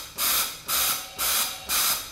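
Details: Noninvasive high-frequency jet ventilation with Paravent ventilator via soft-edged transparent face mask, multi-jet generator; indicated for pulmonary edema, respiratory depression, respiratory failure; rhythmic hissing gas jets of high-frequency jet ventilation via face mask.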